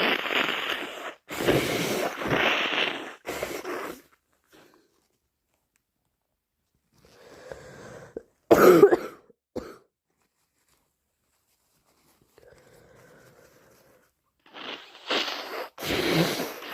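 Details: Person with a heavy common cold in the morning: forceful, snotty nose blowing plus a few short, harsh coughs.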